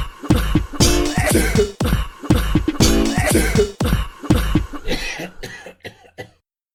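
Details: Loud repeated coughs, about a dozen harsh bursts in quick succession, over music in a composed sneezing-and-coughing beat: cough.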